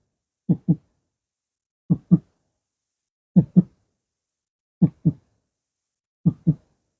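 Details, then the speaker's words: Normal heart sounds in a cardiac-system teaching demonstration: slow, regular lub-dub at about 41 beats a minute from valve opening and closing, with clean paired sounds and nothing between them. "now that is the sound of the heartbeat now what actually happens is that the cardiac valve opens and Clos so the opening and closing of the cardiac vves these VES we talked about makes the heartbeat sound"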